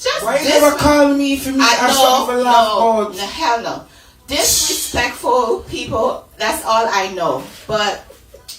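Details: Adult woman speaking; ordinary speech.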